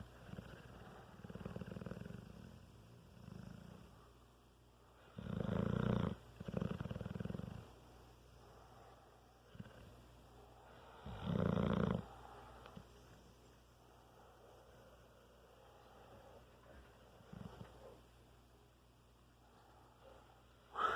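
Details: Sleeping dog with human-like snoring: low, rumbling snores recurring every few seconds, with quieter breathing between them; ordinary snoring.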